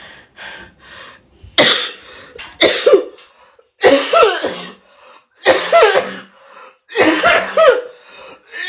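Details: Coughing fit after dabbing: repeated harsh coughs in clusters, about six bursts with gasps between.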